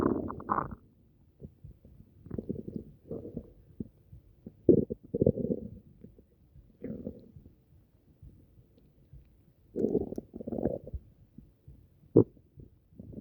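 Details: Upset stomach, possibly from something eaten: irregular low gurgling and rumbling bursts separated by quiet gaps, active borborygmi.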